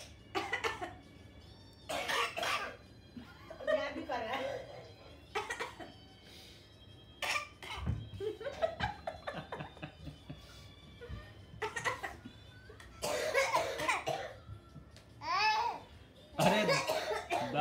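An infant makes short, forced cough-like bursts copying adults, mixed with babbling and laughter; a playful, harmless imitation.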